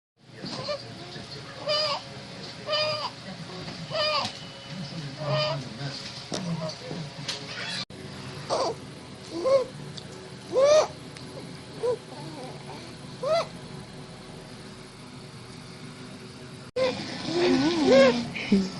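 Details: Infant boy with laryngomalacia since birth; repeated high, squeaky, crowing noise on each breath in; inspiratory stridor from laryngomalacia.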